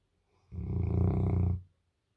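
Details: Single long, loud, low rattling snore from a sleeping, dreaming Bernese Mountain Dog lying with his tongue out.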